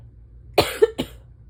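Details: Adult just woken up in the morning in early fall, with asthma and a ragweed pollen allergy: two harsh, abrupt barking cough bursts.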